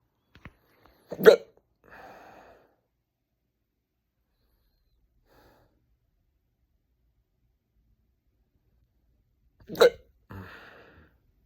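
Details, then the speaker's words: Adult with hiccups for 16 hours straight, disturbing sleep, unrelieved by electrolytes, paper bags or scaring: two sharp, abrupt hiccups about eight seconds apart, each followed by a brief breathy sound, in a quiet room. "I never thought I would have to stay home and take a sick day because of hiccups but here I am I've now had hiccups for H 16 hours straight makes it very hard to sleep"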